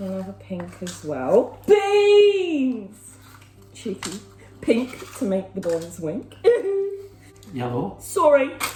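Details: Young woman with Tourette syndrome whose involuntary vocal tics interrupt her speech; vocal tics (Tourette syndrome).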